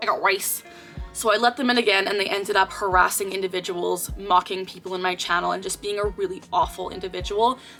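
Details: 24-year-old woman with Tourette syndrome whose recurring vocal tic, a short phrase, occurs mid-sentence. Vocal tic (Tourette syndrome).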